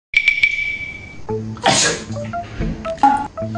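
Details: A sneeze-like burst breaks through tuneful music and tones in a sneeze-prank clip tagged cute baby and kids; a playful sneeze sound over music.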